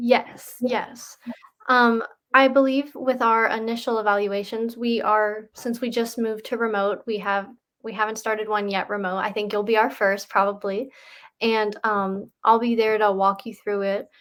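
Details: Adult woman speaking; normal speech.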